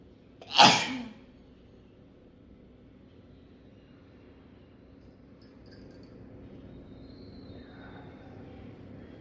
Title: Sneezing And Nose Blowing Challenge Part 18😂😂